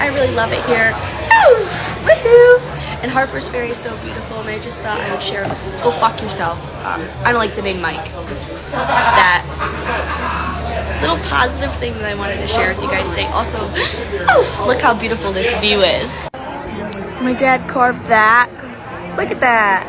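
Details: Real recording of a creator with Tourette syndrome, at a brewery with family; speech is interrupted by swearing and insult tics. Vocal tics with coprolalia (Tourette syndrome).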